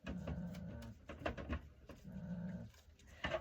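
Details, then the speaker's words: Female goat (Storm) snoring while resting: two long, low, buzzing breath sounds about two seconds apart with faint rustling between them; Bambi, her mother or daughter, snores too. "That is Storm. She's snoring. Bambi does that too. They both do, which they're mother and daughter, so that shouldn't surprise me."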